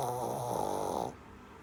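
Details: Sleeping Shih Tzu puppy: a single short, fluttering, buzzy snore trailing off into quiet breathing; snoring.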